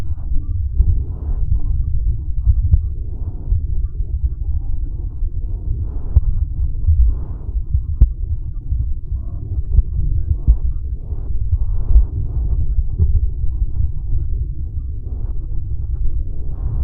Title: Woman's Heart Sounds Picked Up By Mic